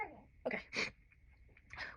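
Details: Postpartum woman in a sneezing fit of about six sneezes in a row: two or three sharp, explosive sneezes in quick succession, with quiet breathing between.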